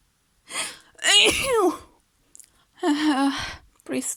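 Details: Simulated scenario: a woman acts out being tickled on the nose with a feather, with two loud sneezes with a sharp inhaled build-up and a breathy release, then a shorter sneeze-like burst; an acted sneezing fit.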